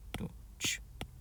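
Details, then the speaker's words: Vocal imitation of a heartbeat with a hissing whoosh between the two beats, demonstrating the early systolic murmur of aortic stenosis. "with aortic stenosis it's going to be early systolic"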